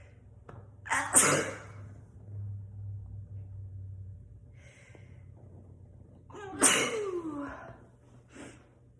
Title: More morning sneezes on the couch